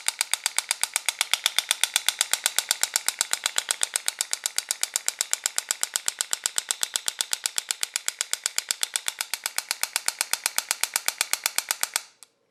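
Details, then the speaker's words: Home extracorporeal shockwave therapy device for joint pain set at intensity 90 mJ, 8 Hz, 1,600 shocks: rapid regular sharp clicking about eight pulses per second for twelve seconds as the applicator fires. "intensity here you can see it's 90 megga frequency is 8 Hertz and it's set for 1,600 uh shocks"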